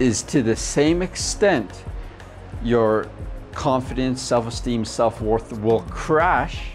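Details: Adult man who stutters and coaches people who stutter; stuttering.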